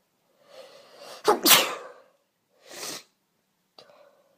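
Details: Woman with cat allergy flare after returning home: quick inhaled build-up, loud explosive sneeze, then a softer sneeze and a small stifled one; three allergic sneezes.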